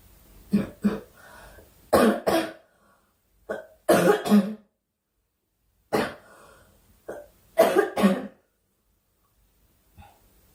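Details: Several bursts of short, harsh, dry-sounding coughs from a girl who says she is ill, often in pairs or triplets with quiet gaps between; repeated coughing.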